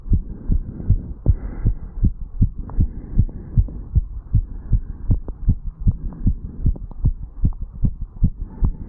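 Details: Fast, regular, dull heart thumps with low rumbling hum, 35-year-old male after jogging up stairs, recorded at the mitral valve area while standing still; rapid heartbeat after exercise.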